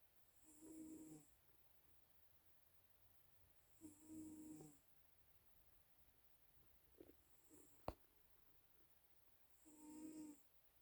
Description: Calico cat snoring.